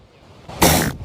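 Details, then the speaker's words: A seal sneezing, real recording: one short, forceful, noisy burst of air from the nose with a sputtering, fart-like quality. "It sounds like farts. Like that. Is that why this is so funny? Because seal sneezes sound like farts, right?"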